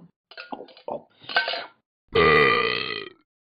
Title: Burping